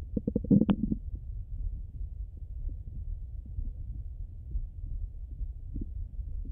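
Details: Brief burst of gurgling and bubbling, then low rumbling and soft irregular gurgles heard through a stethoscope over the abdomen; ordinary bowel sounds.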